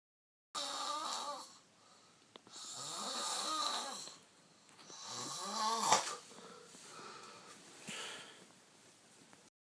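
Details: Adult male snoring, heard throughout the house: irregular, loud rattling snores with whistling, wavering inspiratory tones, about 26 per minute.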